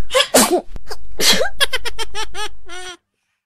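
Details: Oriental Shorthair cat sneezing: a sharp burst sneeze followed by a second, then human laughter and a brief voiced exclamation.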